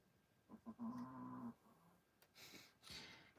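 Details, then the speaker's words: Sleeping dog gives a brief tonal, whistling snore, then two soft, breathy snorting exhales in a quiet room; snoring. "Can you hear the dog snore?"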